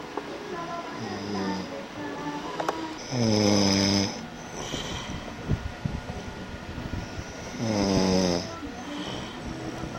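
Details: Person shown supposedly reading a newspaper, snoring: two deep, rattling snores about four to five seconds apart over background music and talk.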